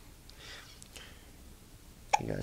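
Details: Young boy awake and being talked to, with hiccups since this morning; faint room noise, then a single sharp, abrupt catch in the throat, a hiccup.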